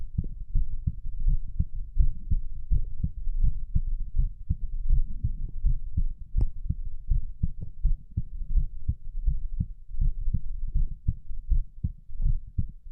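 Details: Steady low thumping heartbeat at about 82 beats a minute, recorded during abdominal exercises (sit-ups); little exercise was done, so the rate is only mildly raised. Normal heart sounds.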